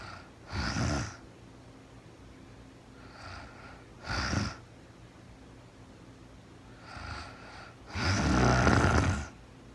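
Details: Woman sleeping in real time, no talking: rhythmic rough, rattling snoring breaths about every three to four seconds.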